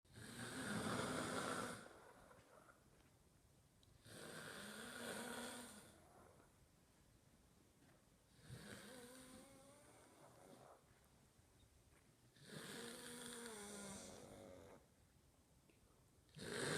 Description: Boyfriend watches pug and girlfriend snore